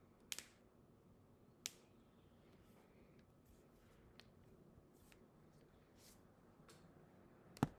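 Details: First cracks of the morning: three sharp knuckle cracks with softer pops between over faint room noise; knuckle cracking (joint cavitation).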